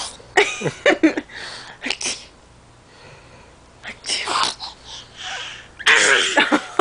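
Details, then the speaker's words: Deliberately faked sneezes from a female, made on request: several abrupt sneeze-like bursts with short breathy gaps, not true reflex sneezing. "Did you fake sneeze? Oh. Tell us. Now sneeze."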